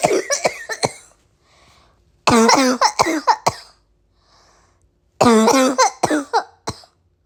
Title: Bad allergies-= bad cough